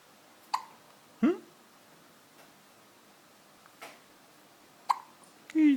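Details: Little girl hiccuping after drinking a bottle of full cream milk: brief, sharp hiccups, about four in six seconds, in a quiet room.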